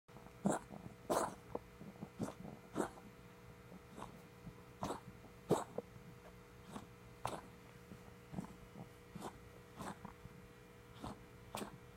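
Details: Cat cough: a run of short, dry, hacking coughs at irregular intervals over a steady background hum.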